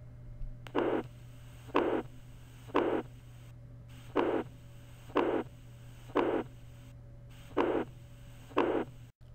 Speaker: I will give you a few second to listen to a murmur of mital regurgitation.